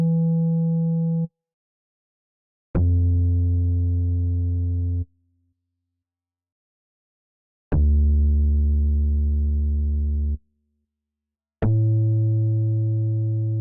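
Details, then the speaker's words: Four steady low electronic tones of a few seconds each, separated by silences, after the patient is told to raise a hand on hearing anything; simulated audiometry test tones in an acted ASMR hearing-exam role-play, not a real doctor. "remember to raise your hand if you hear anything on that side okay let's start the uh hearing process is"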